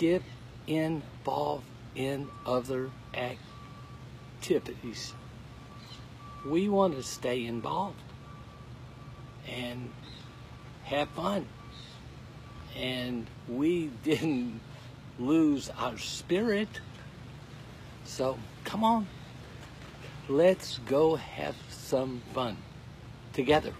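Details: Aphasia in a man who could not talk at all eight weeks earlier, now in recovery; he says finding, forming and ordering each word takes all his effort.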